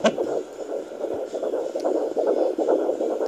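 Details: Rapid whooshing fetal heartbeat on Doppler, about 140 a minute, at 17 weeks of pregnancy.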